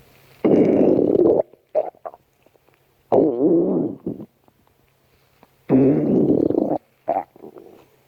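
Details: Loud gurgling, rumbling bursts from the belly, several in eight seconds, with short bubbly pops between: ordinary stomach growling (borborygmi).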